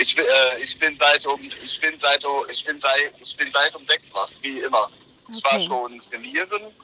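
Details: Stuttering present for as long as the family can remember, in a speaker talking on the phone before a stuttering analysis with a therapist.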